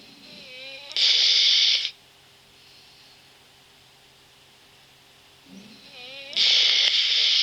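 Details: Snoring recording: high-pitched, whistling, hissy breath noises twice, about five seconds apart, with quiet between, a change in the usual snoring sound.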